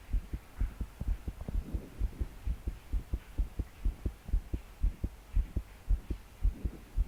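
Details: 22-year-old female trying to calm her heart to sleep after deep breaths failed. Fast, heavy heartbeat about 113 a minute, slightly uneven spacing, her body shaking with each beat, soft breathing and rain behind: pounding palpitations.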